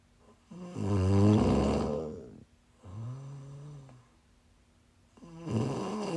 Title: 🔴LIVE: Snores (while sick)